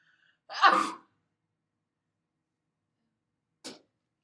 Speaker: uncovered sneezes affect more than the people in front of you the germs and bacteria from the average sneeze can land on people and surfaces from up to 26 feet away